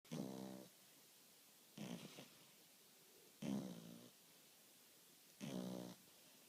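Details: A sleeping French Bulldog snores gently: four soft, rumbling snores about every 1.7 seconds, roughly 35 breaths a minute; snoring.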